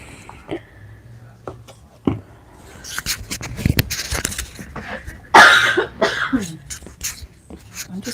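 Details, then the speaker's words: Adult, painting, who keeps coughing into their microphone; cough. "going to take that microphone off because I keep coughing in it."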